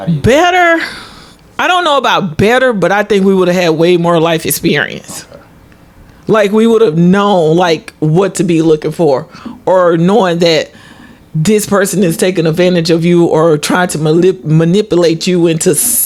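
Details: Adult speaker; normal conversational speech.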